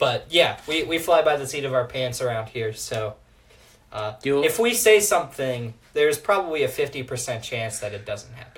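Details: Adult male speaker; Normal speech.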